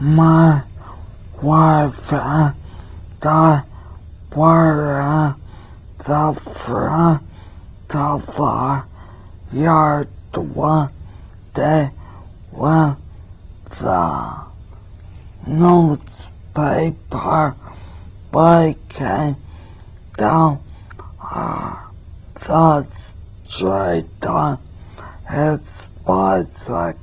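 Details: Patient with spastic dysarthria reading a paragraph aloud during a clinical speech assessment in a university teaching recording; spastic dysarthria.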